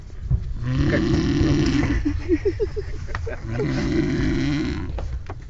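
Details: Person snoring on a train: two long, low rattling snores with a brief fluttery break between them.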